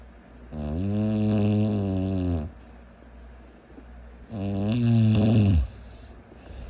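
Two long, loud, buzzy, almost voiced snores, each about two seconds, with quiet pauses between.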